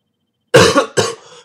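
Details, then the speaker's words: Dry cough during an hour-long coughing fit with sore throat and a choking feeling, nothing coughed up; two short, harsh cough bursts without a wet or rattling sound. "um when you dry cough there's nothing comes out it's just air and it doesn't help it at all i feel like it's i feel like i'm choking"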